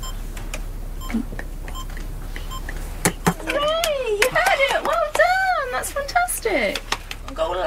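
Soft, evenly spaced test beeps in a quiet room, then excited adult voices: beeps from a cochlear implant activation test.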